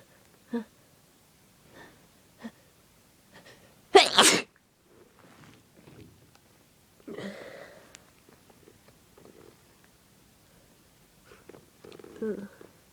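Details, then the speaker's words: Person with a bad cold for about three days, runny nose, sore throat and fever: one loud, forceful explosive sneeze, then sniffing and nose-blowing; sneezing. "They're really strong. And my nose is running really bad. I had this for about 3 days now."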